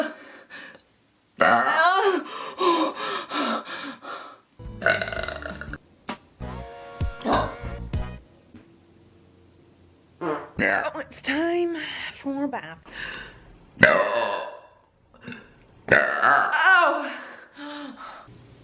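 Series of loud, drawn-out voiced belches and groans separated by pauses, some with a musical quality. Deliberate performed burping.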